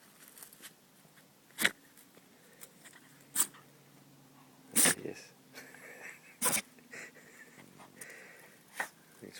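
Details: A Jack Russell terrier on an outdoor walk sneezes five times in a bush, short and sharp, spaced a couple of seconds apart, over faint outdoor noise.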